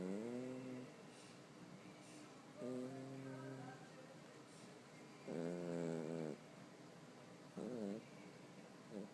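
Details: Cat sleeping deeply and snoring: repeated buzzy, humming snores roughly every two to three seconds, with quiet background music.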